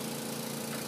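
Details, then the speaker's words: Suction machine still running at the end of a tracheostomy suctioning demonstration, after the catheter is rinsed with water and just before the suction is turned off. "this up in your hand and now you can turn your suction off before it falls off the table"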